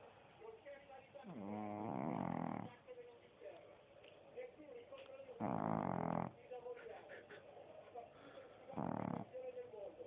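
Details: Boston terrier, a short-nosed breed, snoring while asleep: three loud, rattling snores at a slow breathing pace with quiet breaths between them; ordinary snoring.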